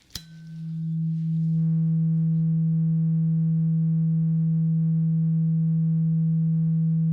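A strike followed by a steady, pure low-pitched ringing tone from a tuning fork used for a hearing test, in an acted ear exam.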